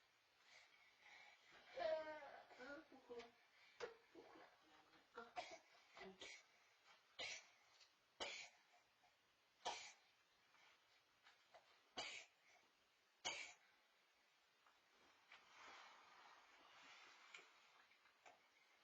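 An adult gives a run of short, sharp coughs spread over about twenty seconds, with some brief vocal sounds.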